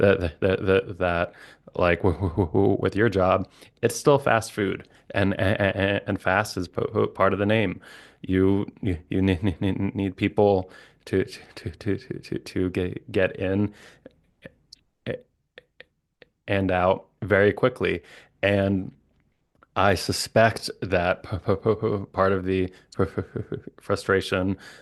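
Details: Adult man, a licensed speech-language pathologist who stutters, with sound, syllable and word repetitions and blocks; stuttering.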